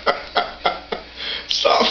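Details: Four short, evenly spaced forced coughs, then a breathy burst, from a child who seems to be having fun and fakes coughing when concern is shown; fake cough.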